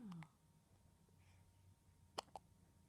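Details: Baby boy, awake, hiccuping while feeding: two brief, sharp hiccup sounds about a fifth of a second apart after a short soft vocal sound.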